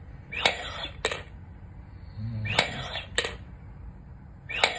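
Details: Sharp hissing breaths through an incentive spirometer with clicks between them, 5 weeks after open-heart quadruple bypass surgery; effortful breathing, struggling to raise the third ball.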